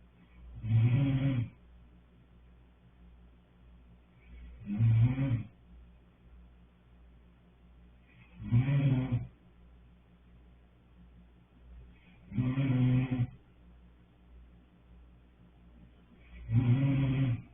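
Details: Deep, regular fluttering snores about every four seconds (around 15 breaths a minute), with quiet gaps between; snoring.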